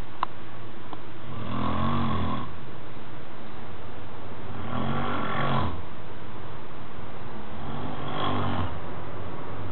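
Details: A friend snoring: three loud, low, rattling snores about three seconds apart, roughly 20 breaths a minute, over a steady background hiss; snoring.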